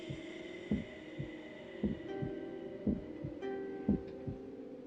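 Dull rhythmic heartbeat thumps, about 60 a minute, over a low hum, played by a heartbeat sensor in a TV drama.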